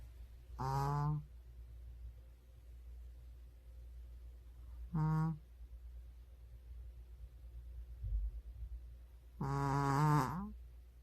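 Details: Very tired dog asleep: three short, groaning, human-like snores spaced several seconds apart over a low steady room hum; snoring.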